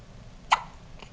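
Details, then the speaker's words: Newborn girl's first hiccups, in the hospital at 4:30 am after a couple of minutes of hiccupping: a single short, sharp hiccup in a quiet room. "it's like 4:30 on the 16th 4:30 in the morning she's had the hiccups for like couple minutes"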